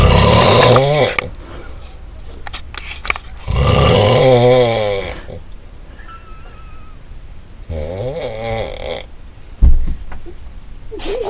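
Loud, rattling snores with a low fluttering buzz, three in about eleven seconds, separated by quieter breaths; snoring.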